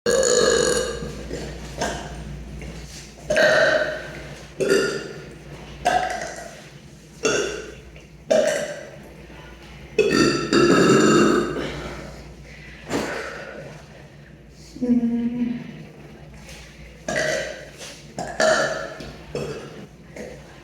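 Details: Adult burping in a public bathroom: a series of loud, abrupt belches, roughly a dozen in twenty seconds, echoing in a small room.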